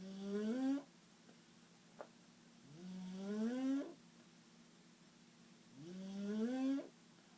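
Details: Snoring: three long, rising, whistling-rough snores on the in-breath, about 20 breaths a minute, with quiet pauses between.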